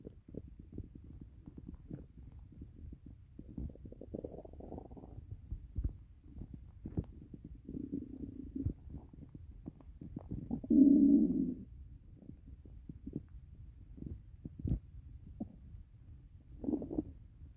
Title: Stomach growling part 2